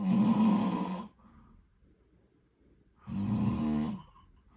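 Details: Two rumbling inhaled snores about three seconds apart, quiet between them; ordinary snoring of a sleeping British Shorthair kitten.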